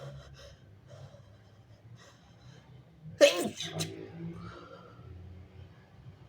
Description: strong, wet, big and stifled messy sneezes + showing snot